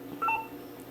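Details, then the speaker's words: Aspiration signal during a dental injection with a computer-controlled anaesthetic device, about half a cartridge of 4% articaine (Septocaine) given, advancing to periosteum: brief rising series of electronic tones over quiet room noise. "okay I'm gonna give them about a half a car kill again there's the aspirate"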